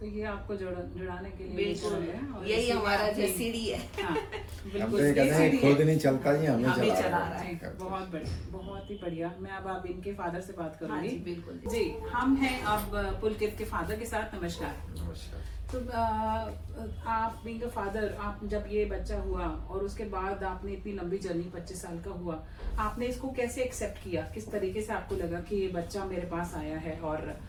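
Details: Adult woman interviewer speaking Hindi, brief second voice; ordinary speech.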